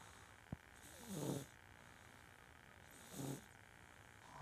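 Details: A baby snores loudly: two soft, low snorting snores about two seconds apart against steady room noise.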